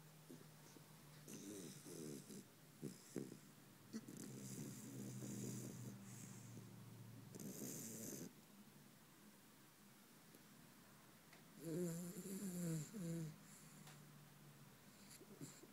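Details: Sleeping puppy dreaming: soft, fluttering snores and snorts in uneven bursts in a quiet room; snoring.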